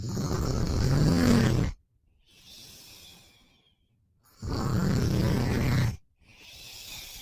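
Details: Boyfriend sleeping after a long day, with loud, rough, low rattling snores on each in-breath and quieter out-breaths between them; snoring.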